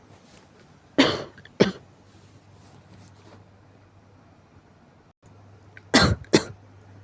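Two pairs of short, sharp coughs a few seconds apart over quiet room noise; a morning cough.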